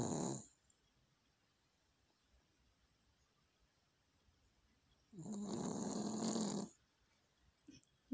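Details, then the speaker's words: Loud, rough snoring on each in-breath, separated by quiet pauses of several seconds; Vienna snoring heavily while asleep, eyes sometimes not fully closed. "This is how loud Vienna snores."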